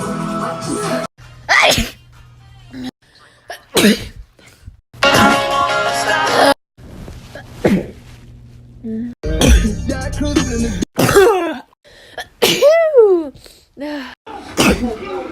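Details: Compilation of a person's sneezes over a year: several loud, explosive sneeze bursts with background music; repeated sneezing.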